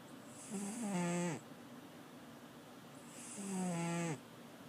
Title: My 17 year old cat snoring